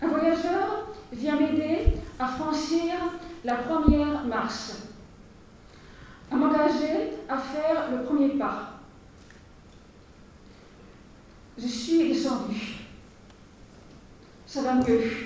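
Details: Stuttering in a French-speaking woman, a finalist of the 2020 stuttering eloquence contest giving her speech; long pauses between words suggest blocks.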